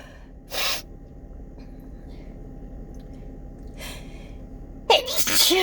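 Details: Morning sneezing fit, possibly from fall allergies: three sharp, hissing sneezes spaced a few seconds apart, the last loudest with a voiced ending.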